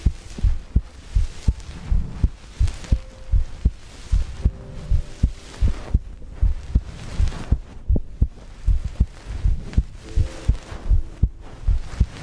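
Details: ASMR heartbeat recording with breathing, from a livestream compilation: steady, deep, muffled heartbeat thumps at about 78 beats a minute with faint breathing noise behind; heartbeat.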